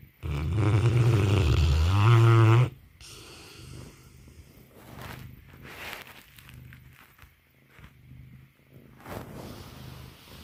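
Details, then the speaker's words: Sleeping, very tired Mastiff snoring: a loud, deep rumbling snore, then softer snorting breaths, likened to a failed chainsaw pull start. "That's like a failed pull start on my chainsaw. Oh, poor bear."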